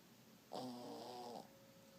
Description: Caught me Shih Tzu snoring next to me by the couch.